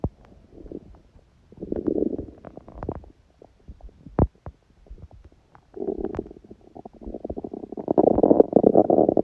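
Gurgling, bubbling rumbles come in waves, growing louder and longer toward the end, with a few sharp clicks between: hunger bowel sounds (borborygmi).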